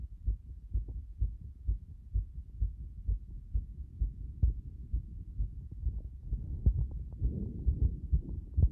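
Fast, regular low heart thumps at about 130 beats a minute; a rapid heartbeat.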